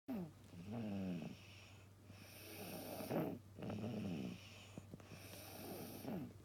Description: Snore kids 子供いびき